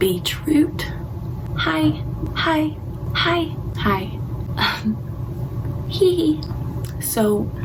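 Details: Young woman with Tourette syndrome diagnosed over 10 years ago; involuntary vocal tics such as repeated "hi hi hi hi" interjections heard during speech; vocal tics (Tourette syndrome).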